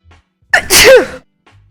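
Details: Blonde woman's acted sneeze: a single sharp sneeze with a quick inbreath and explosive voiced burst.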